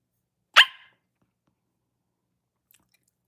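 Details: Vocal tic in a girl with Tourette syndrome during a late-night livestream: a single sharp, loud bark-like vocal burst, then silence.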